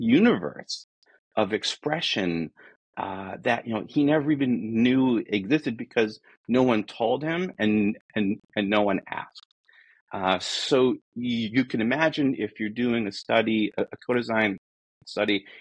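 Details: Adult man who states he is a person who stutters; stuttering.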